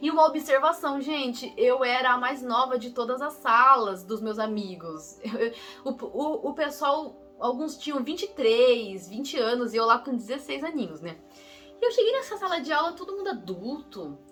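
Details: Young adult woman who says she is a person who stutters, speaking Brazilian Portuguese, with a phrase repetition; real stuttering.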